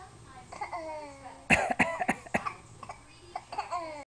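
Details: A young child deliberately fakes coughs: a short run of voluntary, forced coughs between soft vocal sounds.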